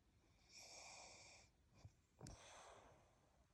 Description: Check out this video of me snoring while in ireland!